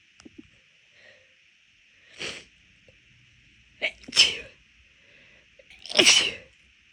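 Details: Induced sneezing when the nose already felt off midway through a walk: four forceful, explosive sneezes in about seven seconds, two in quick succession, quiet breaths between; rapid, big sneezes.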